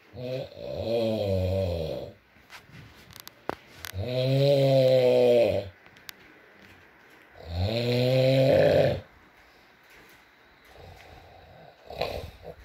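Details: Adult male (boyfriend) asleep, ASMR recording with rain in the background: loud, rasping snores on each breath in, about 17 a minute; snoring.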